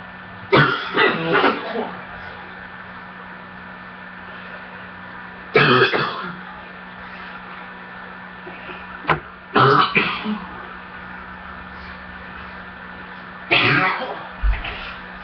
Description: still coughing can you tell the part when I was choking please comment